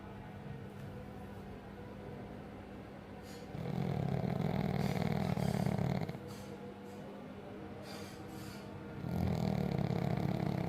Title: she is snoring 😴😪😴😪🤣